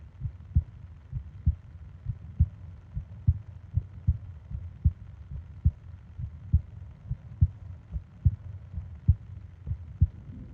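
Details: Japanese 20-minute ASMR sleep recording of heartbeat and breathing sounds: steady, regular low thumps at about 80 a minute with soft breathing underneath; normal heartbeat.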